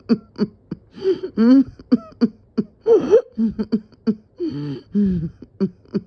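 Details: Person coughing and dizzy, feeling about to pass out: a run of short, strained, voiced coughs and throat sounds in quick succession, with drawn-out vocal strains between them.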